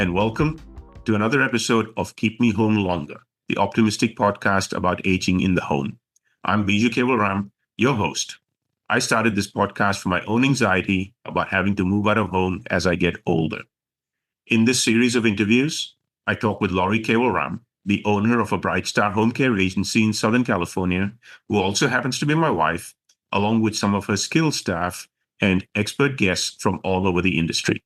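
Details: Adult male speaker; Normal speech.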